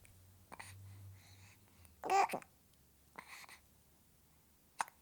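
Four brief, abrupt catch-like bursts several seconds apart in a quiet room, fitting infant hiccups.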